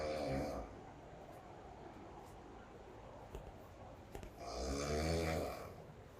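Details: Two loud, rattling snores on breathing in, with a quiet, noisy pause between; heavy snoring on holiday.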